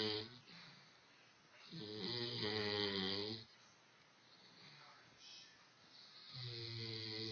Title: Hurley Snoring